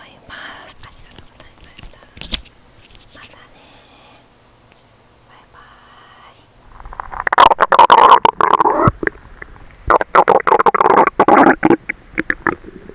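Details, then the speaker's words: Loud, irregular gurgling, bubbling bowel sounds (borborygmi) from an adult's stomach recorded after a quiet start, about two hours after overeating a large meal including watermelon and a nap. "あっ、今！。私のお腹が唸り始めたので録音したいと思います😅。"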